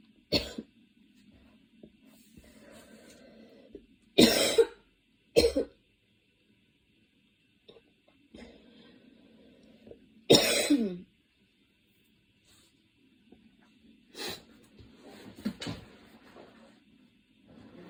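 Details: Student studying for an exam on a Saturday afternoon, standing and changing positions as the cough attack worsened from minor to intense; several harsh, spaced coughs with quieter breathing and throat noises between, the tail end of a coughing fit.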